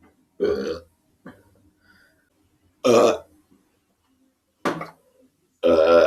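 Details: Person burping: a run of loud, throaty belches, four big ones and a small one, separated by quiet pauses.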